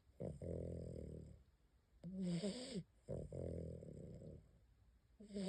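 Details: Sleeping dog during an afternoon nap: loud rattling snores with a low, rough vibration on each breath, alternating with a higher whistling snort; snoring.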